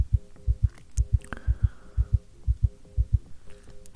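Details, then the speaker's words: Simulated: regular paired heart thumps at about 120 a minute through a stethoscope, with faint rustling, in an acted ASMR roleplay of a shot, defibrillated patient; called quite fast: rapid heartbeat (tachycardia). "Oh, your heartbeat is a little fast. That's quite fast, actually."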